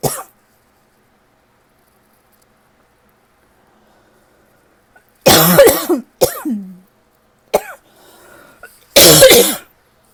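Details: Lingering tickly cough that seems to be starting to improve: several sharp, harsh dry cough bursts after silence, some trailing into throat-clearing; irritated cough.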